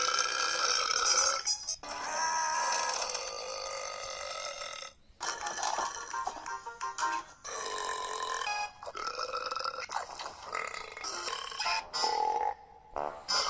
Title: burp compilation 82